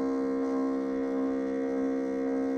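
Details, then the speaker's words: Harvard Apparatus 55-2222 (Model 22) microprocessor multiple-syringe infusion pump set to rate 999 with diameter 2: steady, even motor hum with a low tonal whine and no pauses, running fast. "so yeah now that's going much faster that's what I was trying to do is see because maybe I could show you that you know it's turning"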